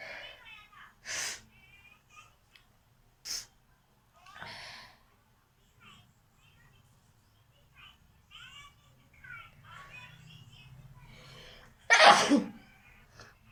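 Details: Performed sneezes in a sneezing challenge video: several short sneezes and a final forceful one, mixed with sniffing and breathy sounds.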